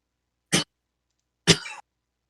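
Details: Background cough from a sick person behind the speaker during a live-streamed tabletop game session.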